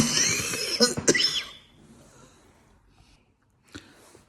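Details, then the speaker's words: Simulated, acted coughing in a comedy skit: two or three sharp coughs over background music, then near silence and one last brief cough. "keep on coughing that's what that's what happens when you have too"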